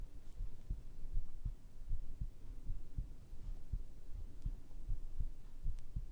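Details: ASMR heartbeat sound recording, possibly with a binaural microphone: steady, soft low thumps at about 80 beats per minute in a quiet room; a normal, regular heartbeat.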